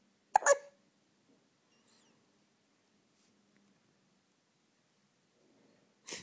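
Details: One short, sharp hiccup near the start, a faint sound at the end, quiet between; hiccups.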